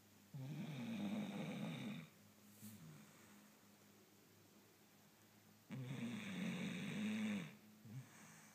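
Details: Two long, loud rattling snores on in-breaths, each about two seconds, with quiet pauses between, from an old sleeping Scottish Terrier; loud snoring.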